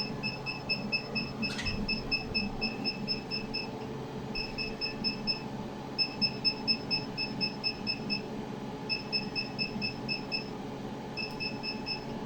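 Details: Diode laser hair removal machine on an adult woman's facial beard area after treating the chin: run of high-pitched beeps in short bursts about two a second over low hum as it fires pulses.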